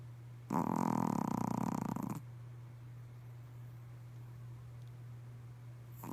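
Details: Pomeranian snoring during a midday nap: one loud, buzzing snore of about two seconds, then quiet breathing against a steady low hum.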